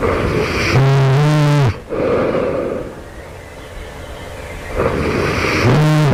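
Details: Loud, harsh, rattling snores on inhalation separated by noisy out-breaths, just before waking at night; the sleeper asks whether this suggests developing sleep apnea; loud snoring.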